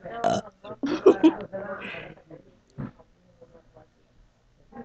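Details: Deliberate playful burping at a sister out of boredom: several short, throaty belches mixed with playful voice sounds in a quiet room.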